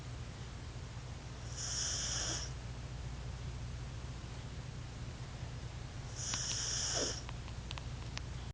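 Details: Sleeping pet cat Pheebs: two soft, high, hissing snores about five seconds apart over a steady low hum; ordinary snoring.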